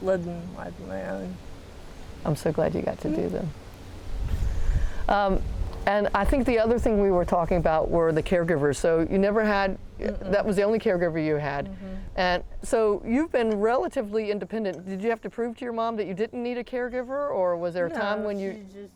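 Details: Adult woman speaking in a small room; ordinary speech.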